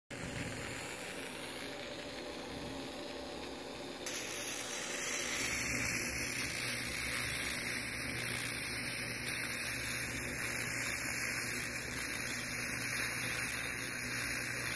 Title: Peerless Surgical Diathermy Machine